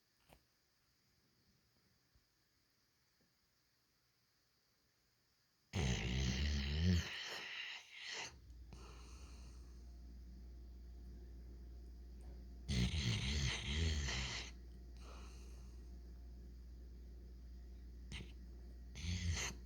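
Two long, loud rough snorts in otherwise quiet breathing with a steady low hum in the background; snoring.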